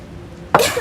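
About half a second of quiet room tone, then a single sharp, explosive cough burst that fades quickly; an acted cough.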